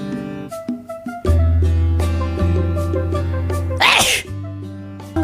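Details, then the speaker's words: A single sharp sneeze burst over loud background music from a streamer who remarks on sneezing a lot today; sneezing. "なんか今日くしゃみ多いね。"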